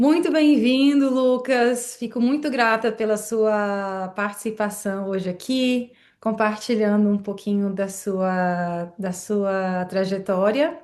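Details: Adult woman speaking Portuguese; normal fluent speech.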